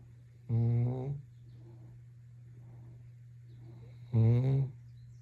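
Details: Sleeping Labrador retriever puppy snoring: two short, low, vibrating snores about 3.5 seconds apart, soft breaths between over a steady hum.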